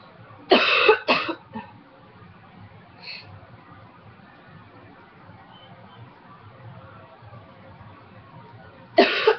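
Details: Dry cough during a cold in a former smoker who quit almost 2 years ago: a short burst of two or three sharp coughs, then another after a pause, no rattle; faint room noise.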